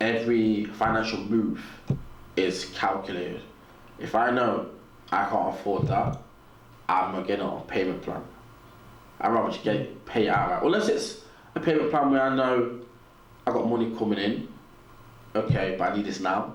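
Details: Stuttering in an adult man, described as a natural, audible stutter; real, not acted.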